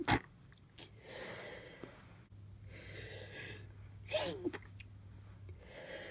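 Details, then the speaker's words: Several sneezes, one sharp and explosive at the start and others muffled or stifled, with soft breathing between, from a person with half a cold, stuffy nose and runny nose; stifled around others, let out alone; sneezing. "I have kind of like half a cold, I'm quite stuffy and my nose runs quite a bit, but I feel fine in myself."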